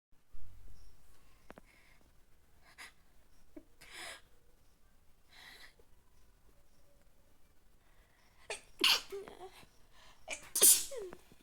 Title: messy sneezes and nose blowing #sneeze #sneezing